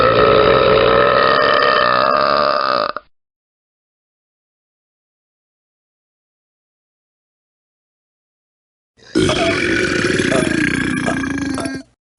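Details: Burping from a royalty-free sound-effects compilation: two long, loud, drawn-out belches separated by silence.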